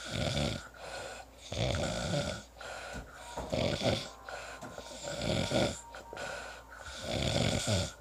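Loud, rough snores with each breath, roughly every few seconds, separated by quieter pauses: ordinary snoring.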